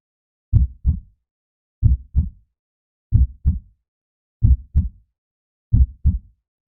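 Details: Heartbeat heard through a homemade 50-foot stethoscope made of level pipe and a balloon: slow, regular paired low lub-dub thumps, about 46 beats a minute.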